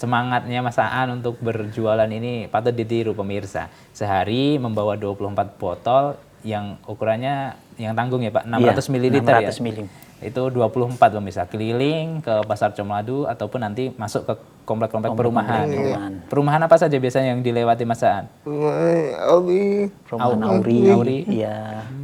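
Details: Adult male narrator; normal speech.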